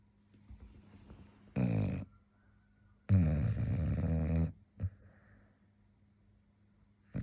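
Two deep, rattling snores, one short and one long, then a brief snort, from a sleeping dog.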